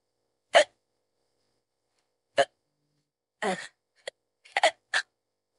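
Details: About six short, sharp voiced hiccups at irregular intervals over five seconds; AI-generated hiccups of a woman who says she has had them on and off for 15–20 minutes and can't fall asleep; hiccups.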